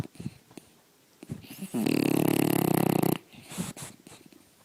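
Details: Dog snoring loudly in the middle of the day: a loud, rattling, buzzy snore held for over a second between quieter breaths; snoring.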